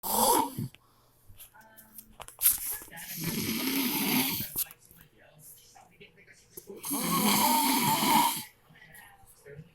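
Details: Adult man (husband), very loud habitual snorer: loud, rough snores with long pauses between breaths, about one every four seconds, in a quiet room; heavy snoring.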